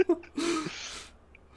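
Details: Short voiced intake, then a long hissing sneeze burst: Daryl's sneeze, replayed from a TV comedy scene.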